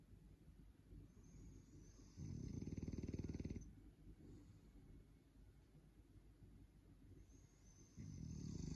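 Low, fluttering snores with a buzzing rattle, two long breaths several seconds apart over steady background noise.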